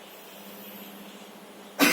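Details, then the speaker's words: Nursing demonstration of effective-cough training: an adult male patient is told to breathe in deeply, exhale, then cough as hard as possible. After a quiet pause comes one sharp, forceful voluntary cough to clear airway secretions and sputum. "Coba tarik nafas keluarkan lalu langsung batukan sekuat mungkin pak"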